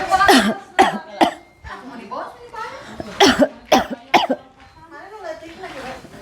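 Two clusters of three sharp coughs, with murmured voices between them.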